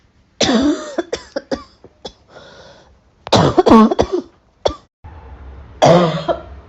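Several sharp coughs with bursts of throat clearing in a quiet room, a dry, repeated cough.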